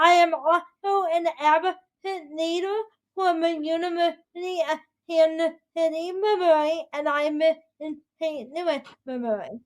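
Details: 22-year-old adult woman with spastic quadriplegic cerebral palsy affecting her whole body including speech, right side impaired, uses a walker or wheelchair: dysarthria (cerebral palsy).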